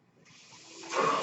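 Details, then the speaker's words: Breath cycle of the speaker's own mechanical ventilator, heard as background noise while he talks. "That noise you're hearing is my ventilator."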